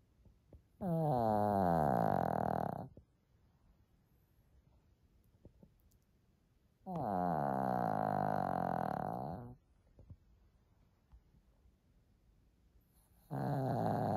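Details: Small female Shih Tzu dog snoring loudly while asleep: loud, drawn-out rattling snores about two seconds long, one on each breath in, roughly every six seconds, with quiet pauses between.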